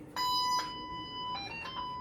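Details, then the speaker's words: Power-on tones of an Iradimed MRI-conditional IV infusion pump during training: clear electronic beeps as the pump switches on, then a short second tone pattern as its remote control syncs. "so first thing it says to do is turn on the pump so here are my on and off buttons on on top off on the bottom turn it on and then I'm also going to turn on my remote control"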